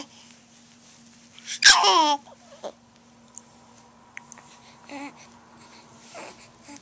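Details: Baby sneezes once loudly and explosively, then smiles with soft babbling and small vocal sounds; ordinary sneeze.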